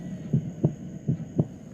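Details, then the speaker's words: Stethoscope at the aortic area, right second intercostal space at the sternal border: two regular lub-dub cycles, crisp first and second heart sounds, about 80 a minute; normal heart sounds. "Empezaremos auscultando por el foco aórtico en el segundo espacio intercostal derecho a nivel del borde esternal. Empezar por aquí ayuda a orientarse en el ciclo cardíaco."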